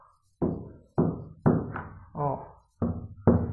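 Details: Six fingertip percussion taps on an adult chest during a prehospital assessment teaching demo. One tap gives a more hollow, ringing note, described as air in the pleural cavity, a possible sign of pneumothorax.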